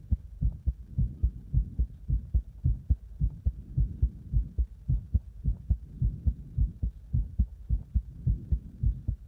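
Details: Rapid, regular low thumping heartbeat, about 107 beats a minute, with a soft background hum; heart sounds recorded with cardiac massage and chest compression.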